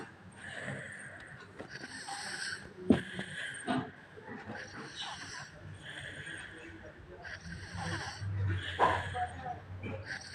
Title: Snoring Kid Part 4/5(1)